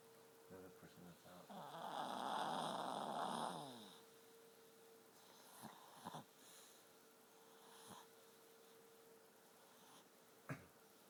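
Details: 7-year-old dog sleeping gives a single long, rough, rattling snore, then quiet breathing with small snuffles over a steady background hum; snoring.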